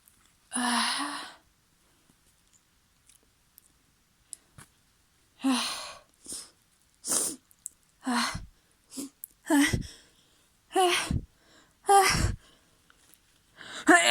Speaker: My nose is so tickly right now. Oh, I'm so messy. Oh. Oh. I think I need to sneeze again.